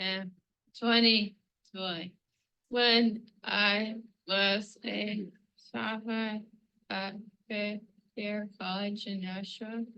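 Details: Woman with hyperkinetic dysarthria, a type most commonly caused by Huntington's disease; inappropriate silences, prolonged intervals, imprecise consonants, forced exhalation mid-sentence, involuntary movements such as lurching back; finding: hyperkinetic dysarthria.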